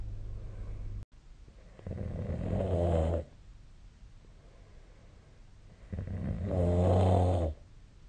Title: Snoring Sleep Sound 2025/04/09